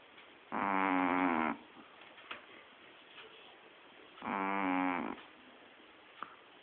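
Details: Two long, loud, rough vibrating snores about four seconds apart, with quiet in between, from a sleeping Shih Tzu dog.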